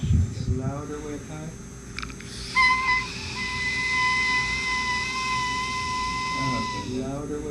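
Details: Mucous retention cyst in the lamina propria of the vocal fold, giving poor vibratory property; dysphonia from mucous retention cyst of the vocal fold.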